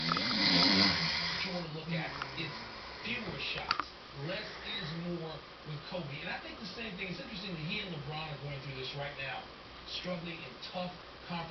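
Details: Stepfather snoring in sleep, caught on camera: rough, rattling snores repeating through the clip with television talk in the background; ordinary sleep snoring.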